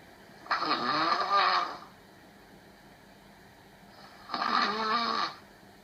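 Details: Girlfriend snoring after falling asleep during a Skype call: two loud, rattling breaths over a second each, buzzing and fluttering, with quiet between them.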